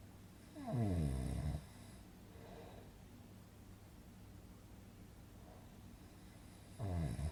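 Deep rattling snores on each breath in, with a softer breath out between; a snoring sound effect.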